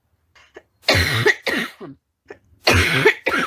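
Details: Adult woman with a persistent barking cough, worse at night: two harsh, hoarse cough bursts, each with several rough barks and a short gasp before it.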